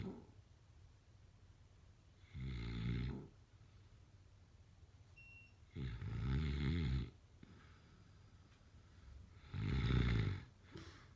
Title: #snoring #snoringasmr #snoringsleepingsoundeffect #sleepsounds